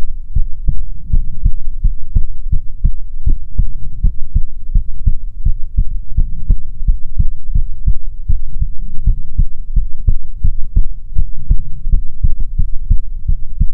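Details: ASMR heartbeat recording, presented as soothing heartbeats from a female persona: steady low thumping, about 100 beats per minute, with a constant rumbling background; normal heartbeat.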